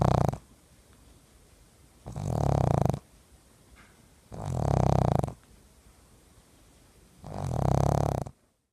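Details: Pug, a short-nosed dog, snoring while napping: loud, rattling snores on each in-breath, about 23 a minute, with quiet pauses between.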